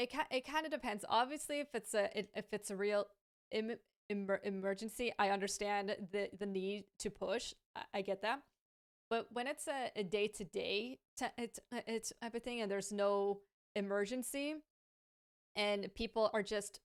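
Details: Adult woman with a lifelong stammer, native English speaker and fluent in Hebrew as a second language, who says it is now worse in Hebrew and worsens with pressure, anxiety and being rushed: stuttering.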